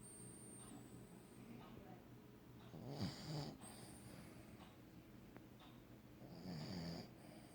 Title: Wicket snoring